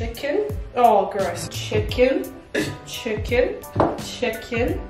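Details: Woman with self-reported Tourette syndrome, repeated word vocal tics while cooking; vocal tics (Tourette syndrome)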